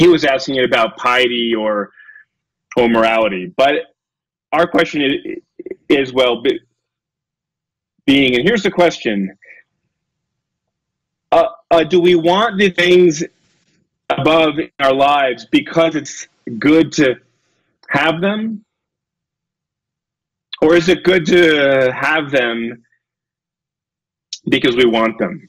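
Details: Adult male lecturer who self-reports a speech impediment: he stutters and gets stuck on his words; stuttering.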